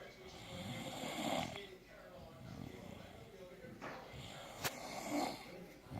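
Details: 16-year-old girl snoring: loud rattling snores on each inward breath, about two cycles in six seconds, with some room noise.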